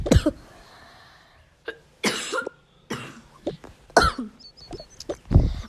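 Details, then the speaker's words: A child who is ill with a fever apologizes for coughing while narrating a game. A series of short, fairly dry coughs and throat clearing. "я еще раз извиняюсь, что кашель."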